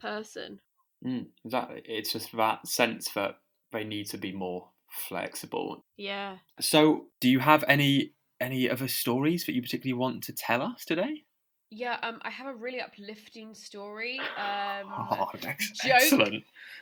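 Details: Stammering in a podcast host who has a stammer.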